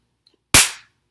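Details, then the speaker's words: A single sharp hand clap in a quiet room from an adult with adult-onset Tourette syndrome: a clapping motor tic. "my clapping one I have one where my arms like to go back like that"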